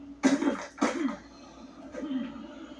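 Two short, sharp adult coughs followed by a softer, rumbling throat clear.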